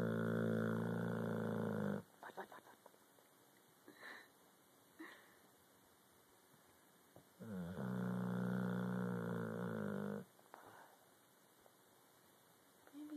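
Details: Cane Corso (mastiff-type dog) with floppy cheeks snoring while asleep: long, deep, fluttering in-breath snores with quiet out-breaths and a soft flapping sound.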